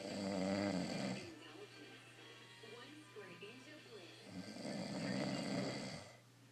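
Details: Two long, loud, rumbling snores separated by a quiet exhale, with faint background sound; ordinary snoring from a man who says he doesn't snore.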